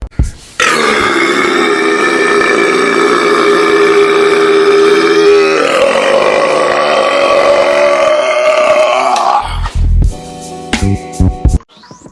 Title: most craziest Burps #Burp #funny #stupid